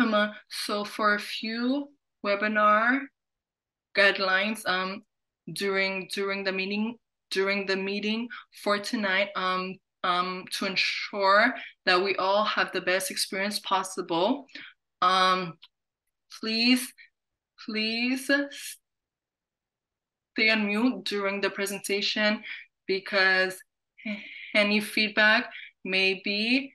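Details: Adult who stutters, hosting a National Stuttering Association webinar on careers; repetitions of words and phrases are audible; stuttering.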